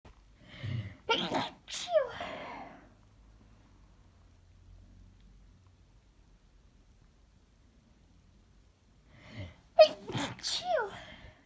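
Two sneezes, each with a sharp breath in before it and a voiced burst, separated by a quiet pause.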